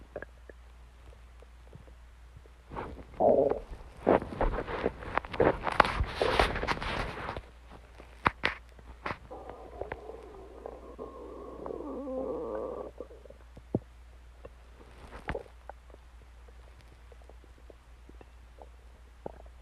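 Bursts of gurgling and a drawn-out rumbling growl from the belly, with quiet gaps between; ordinary stomach growling.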